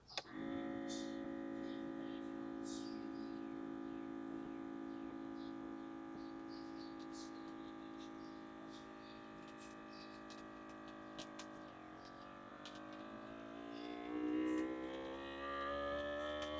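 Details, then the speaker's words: Home upper-arm automatic blood pressure monitor with XL cuff, user keeping still and quiet: steady motor hum of the cuff inflating, tone changing near the end toward deflation; reading reported normal. "so we're going to hit the start button and I am going to take my microphone so you can listen to the actual machine say what it has to say"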